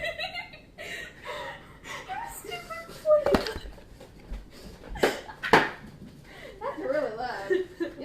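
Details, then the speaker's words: Girl with hiccups ongoing for about 2 minutes, which she gets often: three abrupt, sharp gulping sounds breaking through soft chatter and giggling. "So as you can hear, I have the hiccups again. So they've been going on for like 2 minutes now."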